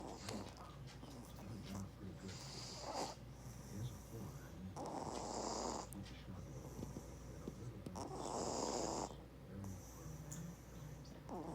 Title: Baby snores 😴